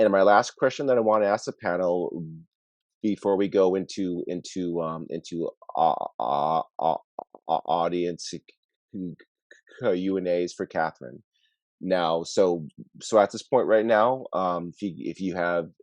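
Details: Adult webinar moderator who stutters, with part-word and word repetitions and fillers; stuttering.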